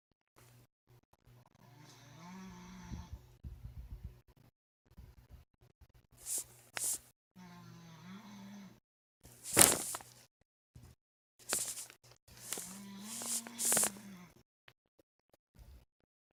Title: The sound of bad snoring